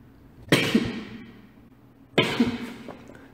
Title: Seventeen sneeze